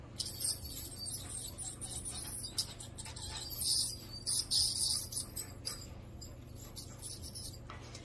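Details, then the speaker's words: High-pitched buzzing and chirping of a home ultrasonic plaque remover at its highest setting, with scraping and rattling as it is used on an adult's own teeth; ultrasonic dental scaler. "it sounds a little crazy but it doesn't feel that way on your gum so I would say this is perfectly okay to use on kids"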